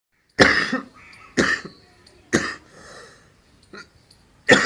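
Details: Coughing from a person recording a first vlog in a room.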